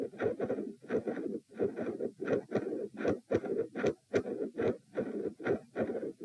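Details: Regular heartbeats about 74 a minute, recorded lying down at position p during attempted Valsalva manoeuvre: loud, bouncy midsystolic murmur filling the gap between heart sounds; 3 or 4 sounds per cycle.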